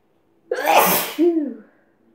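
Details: Single forceful sneeze, a sharp noisy burst with a brief voiced tail, in a quiet room; induced by sniffing chhinkni sneezing powder, which also caused a runny nose.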